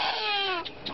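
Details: Infant crying: a single high-pitched cry with falling pitch, tapering off within a second.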